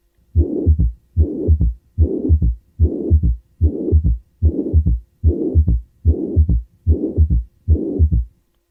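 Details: Severe mitral regurgitation: regular heartbeat at about 74 per minute with a loud blowing systolic murmur and an added low early-diastolic thud, a third heart sound.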